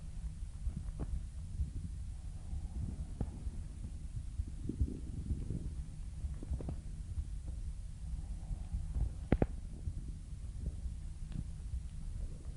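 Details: Stomach growling, normal borborygmi: low rumbling and gurgling with a few faint pops over background hiss.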